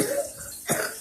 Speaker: well we got to remember to breathe loss thing you know else you're gonna cough try again